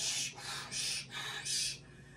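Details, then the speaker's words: Three breathy whooshing hisses, a vocal imitation of a heart murmur's turbulent back-flow sound, contrasted with normal lub-dub, explained by a veterinarian with a six-month-old Boston Terrier puppy that has a murmur. "when we have a heart murmur what we will typically hear is we might hear something like love love or we might hear"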